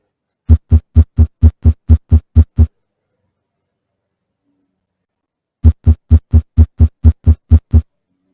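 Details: Simulated sinus tachycardia from an app, as in a person starting to exercise or run: fast, regular heart thumps in two short runs, about 130 beats a minute.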